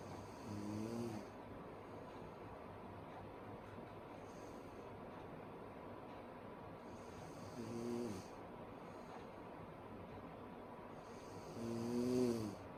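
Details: Sleeping woman snoring: three moderate, buzzing snores on breathing in, roughly 14 a minute, over steady background hiss.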